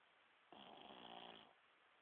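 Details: A single rough, buzzing snore lasting about a second against a quiet room background. Snoring.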